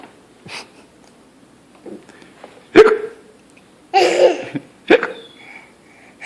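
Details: 1-year-old boy with hiccups: several short, abrupt catching sounds, each a sudden sharp intake cut off quickly; hiccups.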